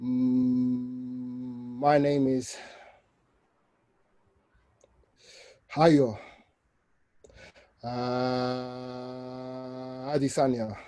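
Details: Adult man, 29, with an aggressive stammer since age 3–5, deliberately saying his name slowly using controlled speech and a breathing technique to release tension; stuttering, controlled speech technique.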